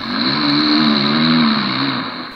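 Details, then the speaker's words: Snoring during sleep, in a context where snoring can be a sign of sleep apnea. Sleep apnea is described as upper-airway collapse during sleep, linked to stroke. "for many people the sound of sleep is anything but silent and"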